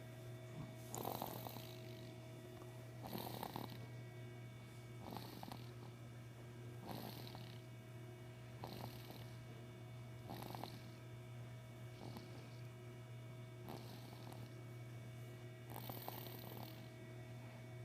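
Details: Snoring: regular rasping snores about every two seconds, roughly 30 a minute, over a steady low hum.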